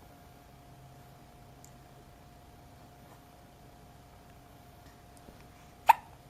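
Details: Morning hiccup: single sharp, brief hiccup near the end of a quiet stretch with faint room hum.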